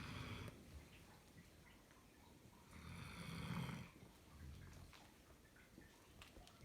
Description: Snoring German Shepherd